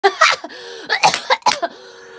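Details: Three short voiced cough bursts in quick succession with brief vocal sounds between, from a singer during a live stream; cough.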